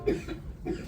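Two short, deliberate coughs a moment apart. A faked cough put on as a prank, not a sign of illness.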